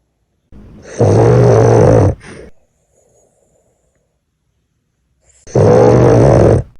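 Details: Gigantic snores: two loud, rough, low-pitched rattling snores on inhalation, separated by a quiet pause. Heavy snoring.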